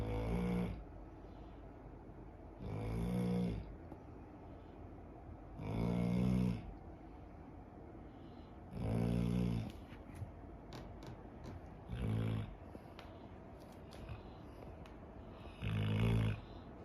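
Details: Old 11-year-old female dog asleep, snoring with loud, rumbling snores on each inhalation, about every three seconds (roughly 20 a minute), with waves and birdsong behind.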